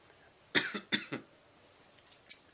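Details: 31-year-old man with Tourette syndrome, mostly motor tics plus vocal tics. Two or three short, sharp coughs in quick succession, then a brief throat noise, in a quiet room during an interview; a coughing vocal tic.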